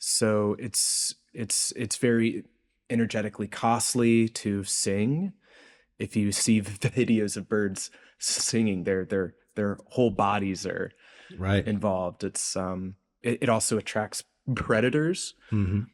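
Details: Adult male researcher with a self-reported speech impediment present throughout the interview; this stretch has word repetitions; disfluent speech (speech impediment).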